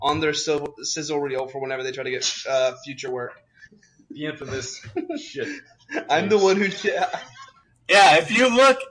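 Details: Adult man speaking; ordinary speech.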